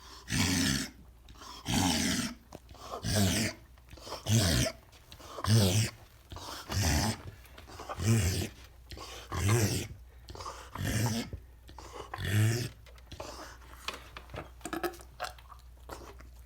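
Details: Dog with bordetella infection making repeated loud, harsh snorting inhalations in rhythmic bursts; reverse sneezing.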